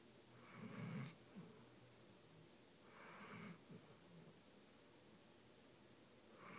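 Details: Pet sleeping deeply in a hotel, head resting on a person: soft, rough breathing sounds recur about every two and a half seconds in a quiet room. Gentle snoring.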